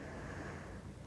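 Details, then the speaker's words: Adult male patient sitting, posterior chest auscultated with a stethoscope during deep breaths: soft, low rustling airflow without wheeze or rhonchi: normal vesicular breath sounds over all lung areas. "tadi kita dapat mendengarkan bahwa seluruh area paruh auskultasi nya normal tidak ada suara terdengar suara vesikuler tidak terdengar suara nafas tambahan begitu bising maupun rongke"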